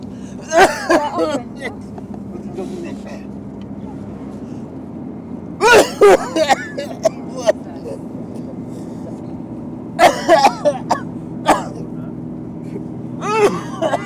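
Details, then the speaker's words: Acted, theatrical coughing in four short clusters of harsh bursts over taxi rumble, a man coughing incessantly beside a passenger in a commuter taxi; staged cough. "as florence becomes more and more disgusted with albert's incessant coughing it gives him a chance to put his plan for her handbag in action"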